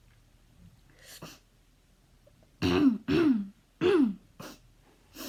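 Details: Repeated dry, honking coughs, three loud voiced bursts among softer hacks within about five seconds: a habit cough of five years' duration, at what feels like a hundred coughs per minute, recorded before habit cough cessation therapy.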